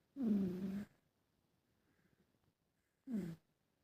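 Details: Siamese cat snoring while asleep: two rough, buzzing breath sounds about three seconds apart, the first long and the second short, in a quiet room.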